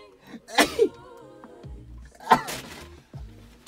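Two sharp, explosive bursts about two seconds apart over soft background music. Sneezes.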